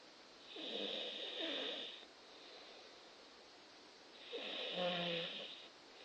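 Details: Snoring with two rattling snores on inhalation and quiet breathing between them; ordinary snoring.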